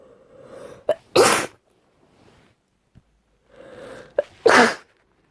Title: Cold induced sneezing (F)